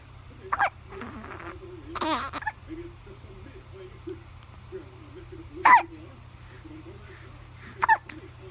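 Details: One-month-old baby with hiccups: four sharp, brief hiccups at irregular intervals over about eight seconds, with soft baby vocal sounds in between.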